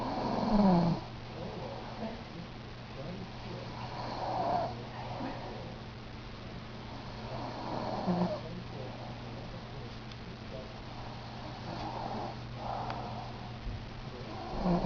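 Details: Person snoring after eating a lot of turkey on Thanksgiving: rough, rumbling snores about every four seconds, roughly 16 a minute, over a steady background hum during sleep.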